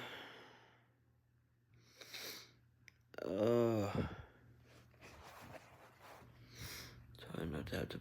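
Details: A single forceful, rough, congested nasal snort amid sniffs and breathing, from a person with a cold, nasal congestion and a self-described sinus infection who is sneezing and blowing their nose; a nasal snort with congestion.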